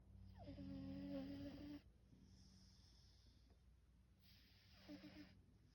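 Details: A cat snoring: a long, whistling, buzzy breath, a quiet pause, then a second shorter snore.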